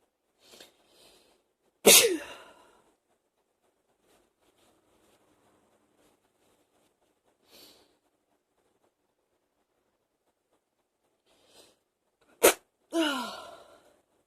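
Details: Sneezing fit, no coughing: two loud, forceful sneezes, each preceded by quick catching inhalations.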